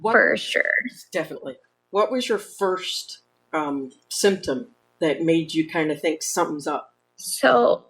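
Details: Adult women in conversation; normal speech.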